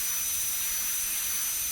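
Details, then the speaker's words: Air-driven high-speed dental handpiece with a steady high-pitched whine and hiss, running the burr slowly for mesial proximal reduction of a primary molar on a typodont model. This is a stainless steel crown preparation demonstration, avoiding nicking the adjacent tooth. "Slowly you have to run the burr on the proximal aspect of the tooth to be crowned. Make sure that you do not touch the adjacent tooth. As you can see, I am running the burr very slowly, taking care not to touch the adjacent tooth."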